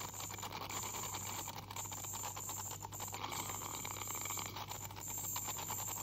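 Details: Ultrasonic scaler removing tartar in a 44-year-old female with heavy plaque and tartar buildup and possible gingival inflammation, by a dental hygienist: steady high-pitched hiss and whine with water spray and scraping clicks.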